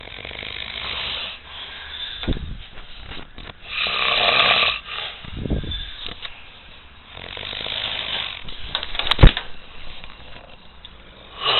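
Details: Loud, harsh snores with rough vibrating breaths, irregularly spaced, with a sharp snort near the end; epic snoring.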